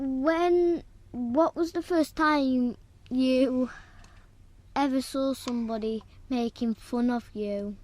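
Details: Stuttering in one of two brothers who both have a stammer; hesitant phrasing while asking his brother a question.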